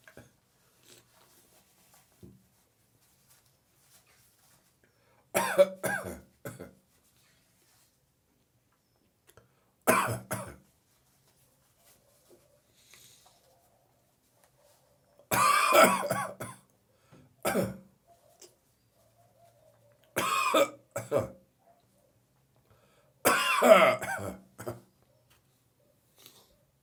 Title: Morning Cough and Gag